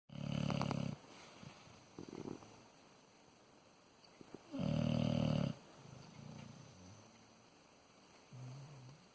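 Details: Two loud, low, rattling snores about four seconds apart with quieter breathing between, in a fairly quiet setting; snoring attributed to a bear.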